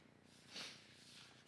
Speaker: my dog is sneezing in the background now sneezing in her sleep so if you hear that that's that's what that noise is